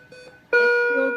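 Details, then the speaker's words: Soft tone then a sustained, clear electronic tone: a warning-level alarm from an ICU patient monitor, played as a teaching demonstration on alarm fatigue. "Okay, just pay attention to the different tones that are coming. Okay. [Music] Now this is warning"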